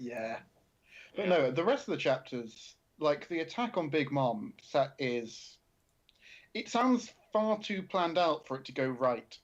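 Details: Adult male speaker; conversational speech.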